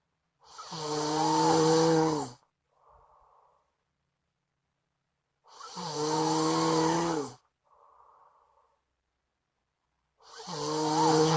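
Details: Friend snoring in sleep loudly enough to keep the recorder awake; loud, rattling snores on each in-breath, each followed by a soft out-breath, about 12 a minute.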